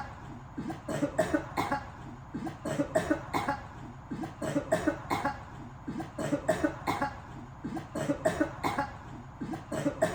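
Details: Swimming and coughing.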